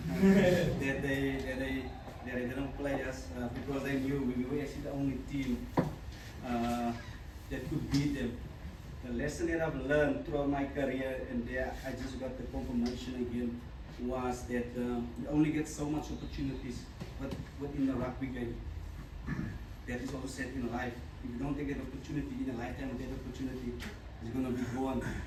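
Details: Stuttering in an adult man, a former rugby sevens player, who says he still stutters and that his stutter was very severe as a child.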